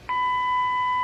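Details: A single steady electronic tone from a training AED during a simulated CPR and AED demonstration on a victim with no pulse and no breathing; AED beep.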